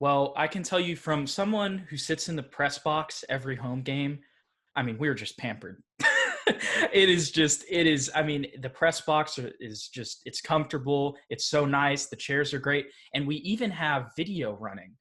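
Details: Adult male speaker; typical speech.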